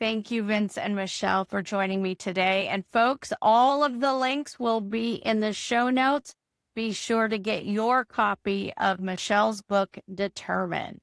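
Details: Adult woman; typical speech.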